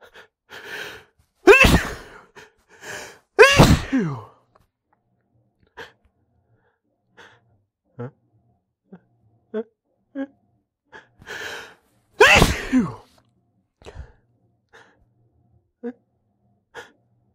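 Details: Allergy sneezing, frequent over the past week or so: hitching breaths build up before three forceful sneezes, with quiet sniffs between; repeated allergy sneezing.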